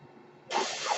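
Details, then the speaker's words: Adult man's mechanical ventilator delivering a breath while he speaks: a quiet pause, then a sudden steady airy hiss. "hello everyone my name is that noise earrings my ventilator but welcome to page-turners"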